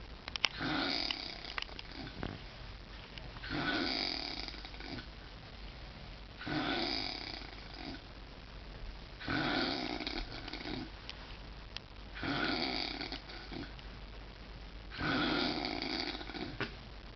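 Six rhythmic, buzzing snores on the breath, about 21 a minute, with quiet pauses between.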